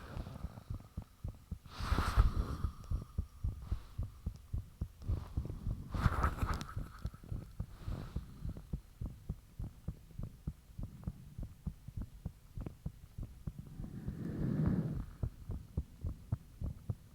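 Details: Self-recorded heart sounds with fan off after heart suddenly became very thumpy: loud, fast, forceful pounding heartbeat heard up close with rushing quality and occasional higher clicks, valve sounds and blood-rushing noises audible.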